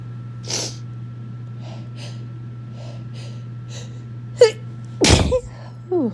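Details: Sneezing possibly from a cold or winter allergies (uncertain), captured throughout the day: a sharp sneeze burst, soft sniffs, then another forceful sneeze over a steady hum.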